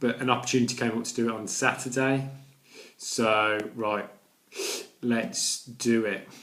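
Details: Adult man with a stammer that includes blocks and repetitions: stammering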